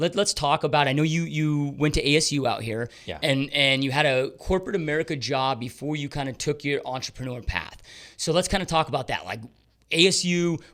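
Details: Adult man; typical speech.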